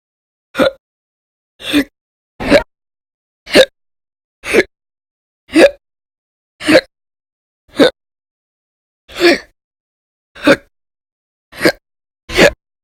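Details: A run of twelve sharp, brief gulping hiccups about a second apart, separated by silence, recorded 1/1/20–1/31/20.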